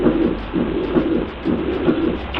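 Muffled rhythmic heart sounds at about 65 a minute, each beat followed by a rushing noise over a steady rumble: a heart murmur in dilated cardiomyopathy.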